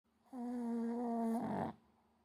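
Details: Single loud, steady buzzing snore about a second long ending in a rougher rattle from a sleeping Shih Tzu, deeply asleep after lots of play; loud snoring.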